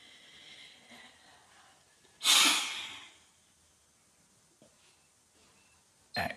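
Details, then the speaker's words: Spirometry in an adult patient born December 1996, nose clip on, sitting upright, first of three efforts: quiet breath in, then a sudden hard, fast blow out under a second that tails off; normal forced expiration. "deep breath in and hard and fast as you can"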